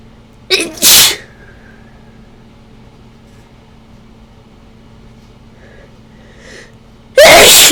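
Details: Person suspecting ragweed allergy, sneezing after bringing a ragweed stalk indoors and trying chhinkni, nose runny: two strong explosive sneezes close together, then a third a few seconds later after a quiet breath.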